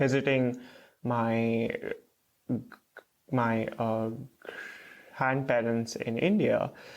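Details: Adult male PhD student who stutters, with a word repetition heard; stuttering.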